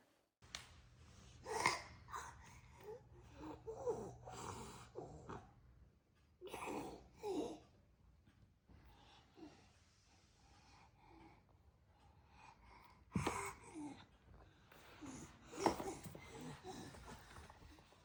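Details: Croup in an infant/toddler: irregular harsh, noisy inspiratory breathing with snorting, squeaky edges, the classic high-pitched stridor that accompanies a barky cough; faint room noise.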